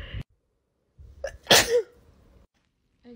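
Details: Single sharp, explosive sneeze with brief preceding inhalation, triggered by a young woman's nasal swab during self-administered Covid-19 testing.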